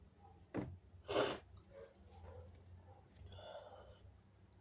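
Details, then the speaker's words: Strong sneezes: a short sharp nasal burst, then one louder explosive sneeze, followed by quiet breathing and faint room sounds; the sneezer describes it as very big. "Oh my god. Excuse me. It was so big. Whoa. I sneezed on you."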